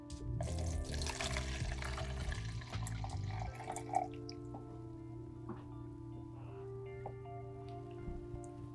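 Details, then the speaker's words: Bedpan contents poured into a graduated measuring cylinder to measure urinary output in a CNA skills demonstration; splashing, trickling liquid over background music. "I will then pour the contents into the gradual cylinder."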